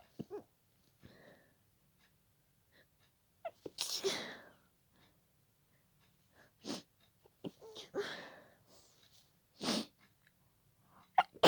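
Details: About five muffled, held-back sneezes with quick catching breaths between them in a quiet room, after a building nose tickle, suppressed so as not to disturb someone sleeping nearby: stifled sneezing fit.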